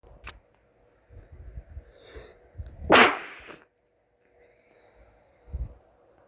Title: sneezing